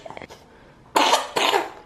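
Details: A 14-month-old toddler sick with a cough, which a clinic doctor diagnosed as a common cold with an upset stomach: a brief soft vocal sound, then two harsh, loud coughs.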